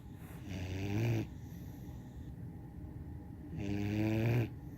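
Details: 17-week-old German Shorthaired Pointer puppy asleep in an unusual yoga-like position: two long, deep, rumbling snores on inhalation separated by a quiet exhale; ordinary dog snoring.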